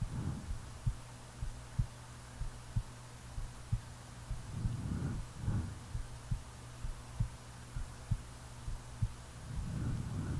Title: Real heartbeat and snoring